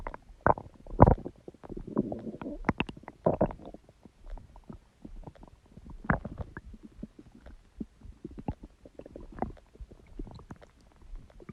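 Irregular gurgling, bubbling and low rumbling noises from the abdomen: ordinary stomach growling (borborygmi), a normal sign of gut activity.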